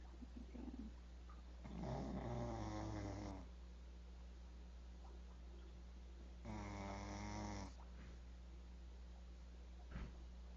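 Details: Female pit bull asleep, giving two long, rattling, buzzy snores over a second each like an old man, with quiet breathing between and a steady background hum: snoring.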